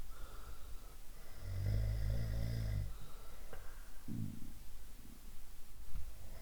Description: Different types of snoring.